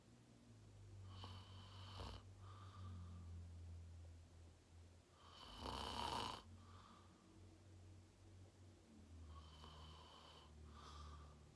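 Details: Self-recorded sleep video, fell asleep at 8:45 in deep REM sleep, tagged sleep apnea: deep rumbling snores with a rough fluttering edge and a louder snort-like breath midway; heavy loud snoring.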